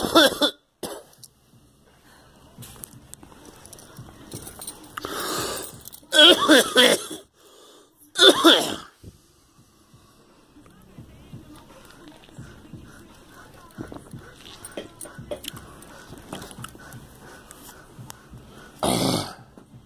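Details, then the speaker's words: Adult with a persistent phlegmy cough since a flu shot, bringing up clear phlegm and coughing to the point of vomiting: about five harsh, wet coughing bouts with throat clearing and heavy breathing between; productive cough. "It's part of all its phlegm. Damn it. This fucking cough will never go away."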